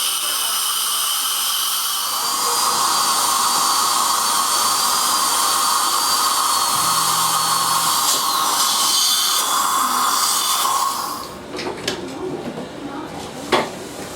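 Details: Steady high-pitched whine of a dental drill for several seconds, then stopping, with quieter clinic sounds; removing an old crown from a male patient's tooth and preparing it for a CEREC crown.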